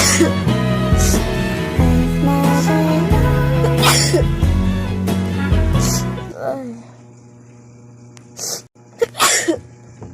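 Loud music fades out, then two quick, breathy sneezes follow close together: sneezing.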